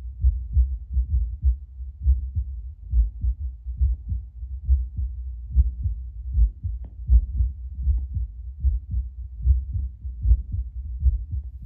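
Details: Adult's own baseline heartbeat before espresso, Littmann CORE Bluetooth stethoscope played on a speaker: steady, regular low-pitched lub-dub normal heart sounds at about 70–75 beats a minute.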